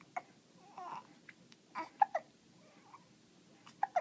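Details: Infant with hiccups: short, sharp hiccup sounds recur every couple of seconds amid soft infant fussing and babbling in a quiet room.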